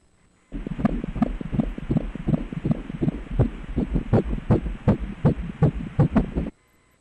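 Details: Fetal heartbeat at 16 weeks of pregnancy on obstetric Doppler ultrasound: rapid, regular whooshing pulses at about 160 a minute, a normal fetal heart rate.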